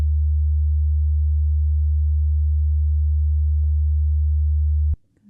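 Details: Simulated ASMR role-play hearing test over headphones, test to say when the sound stops: a continuous low steady tone for about five seconds that stops abruptly; pure-tone hearing test tone.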